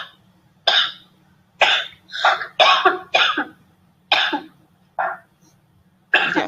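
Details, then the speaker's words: Cough sample from the COUGHVID dataset, labelled COVID-19 positive: seven loud harsh single coughs at irregular intervals, involuntary rather than forced, suggesting a real respiratory condition. "so that one you can you can tell there's something wrong there they're not forc themselves to cough there's actually uh some kind of respiratory condition going on"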